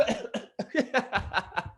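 A run of about eight quick, wet-sounding cough bursts, deliberately faked by an adult in a small room.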